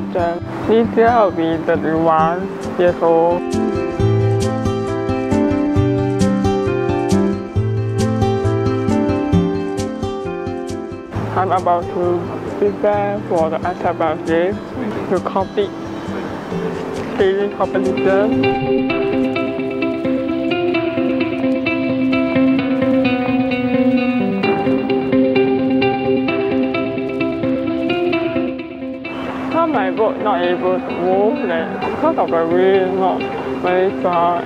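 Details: 31-year-old woman with cerebral palsy, a para sailor with expressive difficulty and unsteady gait, heard over background music: dysarthria (cerebral palsy).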